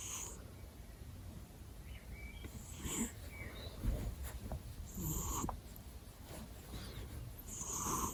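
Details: Sleeping cat lying near the owner's ears, with soft, rough breathing and faint snorting on each breath against quiet room hum; cat snoring.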